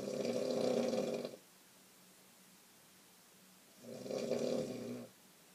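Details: Mother snoring while asleep in bed: two loud, rough, buzzing snores about four seconds apart, separated by quiet pauses.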